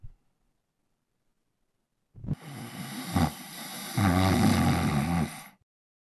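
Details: Adult man snoring in sleep: loud, rough, rattling inspiratory snore building to a throaty vibrating rumble after a quiet pause, recorded with a Zoom H1n handheld recorder.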